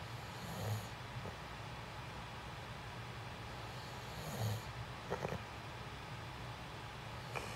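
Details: A person filmed sleeping for a sleep ASMR recording gives two low, rumbling snores on the in-breath, roughly four seconds apart, over steady room hiss with faint clicks; snoring.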